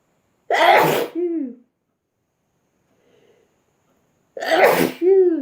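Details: Sneezing compilation: two loud, explosive sneezes about four seconds apart, each with a sharp burst and a voiced tail; repeated ordinary sneezing.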